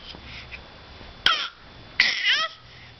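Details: Baby boy, almost crawling, babbling: two sharp bursts of air with a noisy hiss and brief voiced tail, typical of a small child's sneezes.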